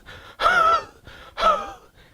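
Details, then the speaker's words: Two imitated cough bursts with a whistling, wheezy tone through each, demonstrating a wheezy cough with expectoration, where the wheeze is described as relieved by expectoration. "or dikteon you have a very wheezy type of a cuff so and they bring out the expectoration"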